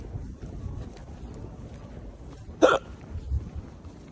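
One sharp, brief hiccup sound stands out against low outdoor street rumble.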